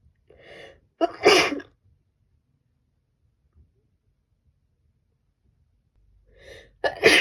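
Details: Female sneezing during a cold.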